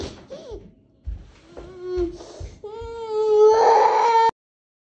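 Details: Two-year-old girl upset at not being allowed to play with food, biting her lips to hold back tears: brief whimpers build into a loud, sustained wail; ordinary upset crying.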